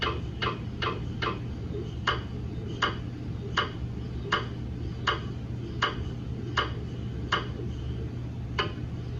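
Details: GE MRI scanner running daily QA system verification scans on a 150mm head TLT phantom (GE head or brain coil, not a patient): rhythmic sharp knocking, roughly 80 per minute, over a steady low hum; gradient noise.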